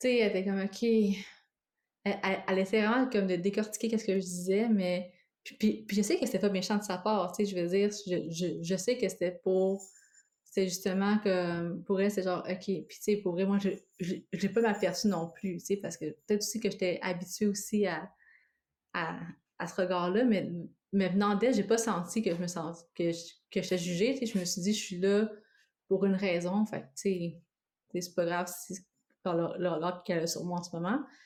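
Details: Adult woman who lives with both stuttering and cluttering: stuttering with cluttering.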